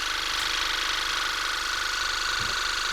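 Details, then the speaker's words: Steady pulsing motor drone with a fast regular throb: an ear irrigation pump on a low setting flushing out a large chunk of earwax, stopped because the abraded ear canal was sore. "a big bunch of wax coming out I'm gonna stop it because that's sore there"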